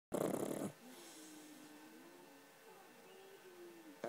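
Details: Pug dog snoring: one loud, rattling snort on the in-breath, then a thin whistling out-breath.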